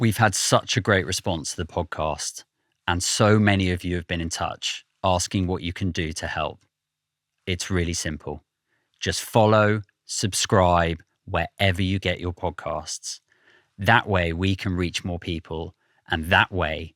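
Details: Adult male speaker; normal speech.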